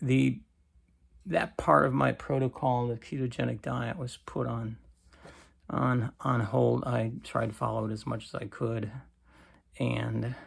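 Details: Creaky voice in an adult man with cancer and a bile duct stent needing more frequent clearing, recorded in the morning; he attributes it to lack of strength.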